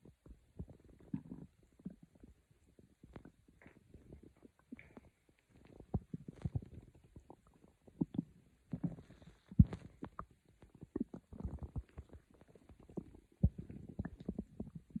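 Soft, irregular low gurgles and rumbles from the belly in a quiet room: ordinary stomach growling, normal bowel sounds.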